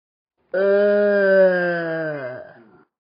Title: way to much burping